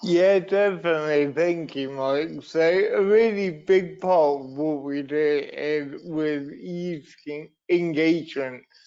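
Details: Dysarthria in an adult man with cerebral palsy, a brain injury sustained through an accident at birth; he also reports being wobbly and unsteady on his feet.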